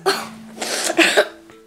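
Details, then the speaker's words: A few short, forced throat-clearing coughs from a child, acted during a pretend sick-day routine, not a real illness. "well that cough does sound pretty bad you guys"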